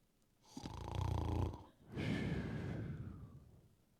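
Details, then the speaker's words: Adult imitates snoring during a sermon about sleeping peacefully despite trouble: one rattling, low-pitched inward snore, then a long, softer, airy outward breath; imitated snoring, with sleep apnea mentioned in passing. "familiar with that sound I am I won't throw you under the bus my darling and I'm not going to ask a hands of people that snore you know who you are you may have sleep apnea"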